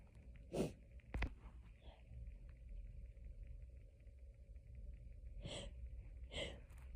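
Four sneezes in seven seconds, two quick ones then two more after a pause, a sneezing fit from hay fever; low rumbling background.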